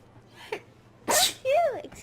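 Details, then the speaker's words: Sneeze from a streamer who had a runny nose: a short intake then a sharp, noisy sneeze burst, followed by a voiced exclamation trailing off. "Excuse me. You've heard my sound of sneezing. Excuse me."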